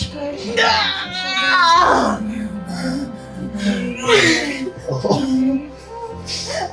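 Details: Newborn's first cry right after a pushing delivery, preceded by the baby's heartbeat sound: brief wavering, high-pitched cries over soft music.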